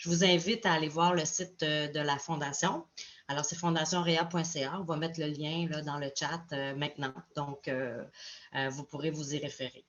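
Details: Adult speaker; typical adult speech.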